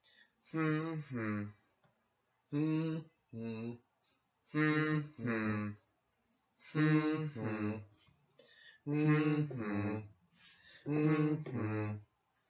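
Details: Acted demonstration of melodic intonation therapy for expressive aphasia from left-hemisphere brain damage: a person learns to say their name by singing short phrases to a set melody while tapping each syllable with the left hand.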